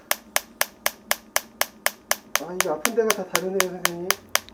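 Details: German-made extracorporeal shockwave therapy device: sharp, evenly spaced tapping pulses about four per second, with speech in background.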